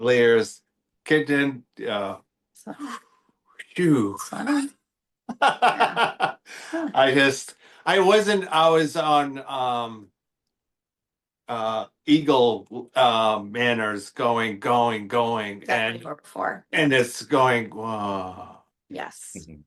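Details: Real expressive aphasia in an adult male after a stroke affecting the Broca speech center on October 11, 2025.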